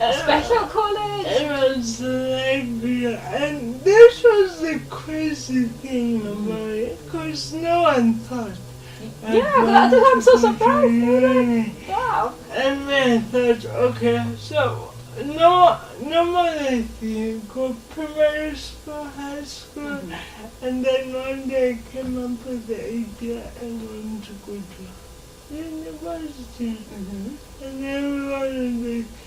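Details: Dysarthria in an adult woman with lifelong cerebral palsy affecting her speech.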